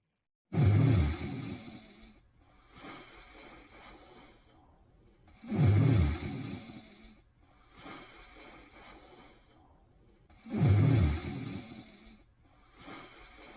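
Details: Snoring while sleeping in bed: deep, rattling snores about every five seconds, roughly 12 a minute, with softer breaths between them.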